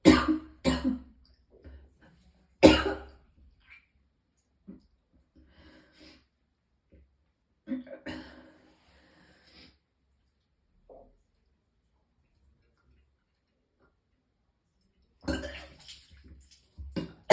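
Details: Person in extreme pain who vomited several times: bouts of harsh coughing with throat clearing and retching-like efforts, separated by quiet breathing pauses.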